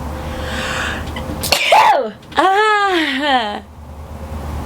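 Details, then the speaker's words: Repeated ordinary sneezes, each a sharp inhaled build-up followed by a loud sneeze with a high voiced squeal trailing off. "i have the start of a sneeze so that's how i sneeze i've the start of a sneeze so that's how i sneeze"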